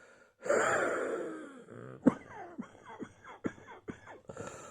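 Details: Wheezing while still coughing a lot: a long, musical, whistling in-breath followed by several short squeaky breath sounds.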